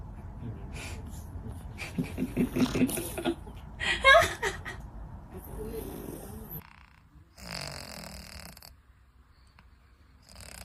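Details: Rough, uneven snorting breaths from a sleeping pet with soft background noise between them; ordinary snoring.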